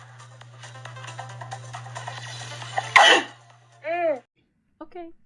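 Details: A girl's allergy sneeze: one sharp, explosive sneeze burst, then brief voiced sounds, over a steady low hum.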